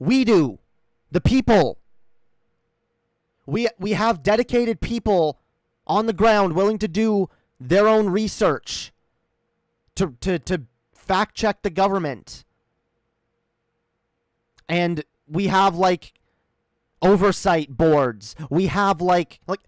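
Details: Real, self-acknowledged stuttering in a male streamer during a live stream; word and phrase repetitions.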